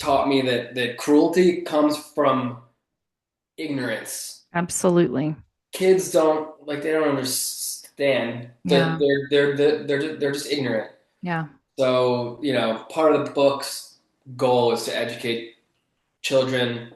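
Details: Adult male author who grew up with a stutter, a lifelong developmental stutter that is still audible in his speech; stuttering.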